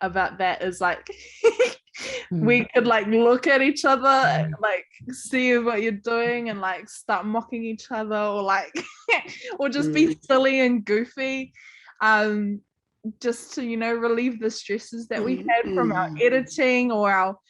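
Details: Adult; typical speech.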